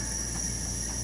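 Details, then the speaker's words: Steady high hiss of gas escaping as the regulator on a home oxygen tank, filled to 2,000 psi, bleeds off leftover pressure after the tank is closed, dropping back to 0; oxygen regulator pressure release. "The air comes out, and as you can see, the arrow now is on the full mark, which happens to be 2,000 psi. When you close it, the regulator here holds a couple seconds of air,"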